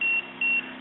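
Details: Two short, high electronic beeps from a SeQual eQuinox portable oxygen concentrator as its pressure (trigger) sensitivity setting is changed between levels 1, 2 and 3.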